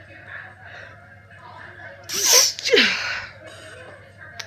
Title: Hay fever sneezes while trying to study in Starbucks